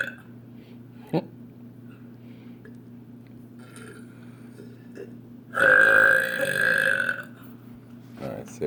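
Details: Boy burping deliberately on camera: a long, loud, deep voiced burp lasting about one and a half seconds over a steady low room hum.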